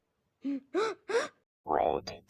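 Three rising voiced gasps, then a longer burst, like the build-up to a sneeze; a cartoon-style imitation.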